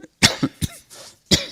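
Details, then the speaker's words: Adult lecturer with a recurrent cough in the seventh week of a long speaking tour, with a strained voice, who says he is not infectious: three short, dry cough bursts with a faint throat-clearing quality in a quiet room. "excuse me, and I'll have to excuse for my recurrent cough."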